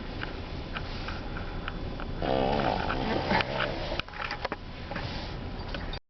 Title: Pug Dexter sleeping and snoring